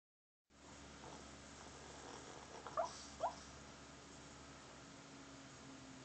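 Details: Sleeping, dreaming pug dog with two soft, quick, funny-sounding "bubble" hiccups over a quiet, steady room hum.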